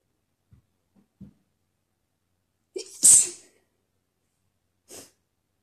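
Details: Deliberately imitated sneezing, an attempt at "girlier" sneezes that came out messier and wetter: a soft inhaled catch, then one sharp high-pitched sneeze and a fainter sneeze-like puff.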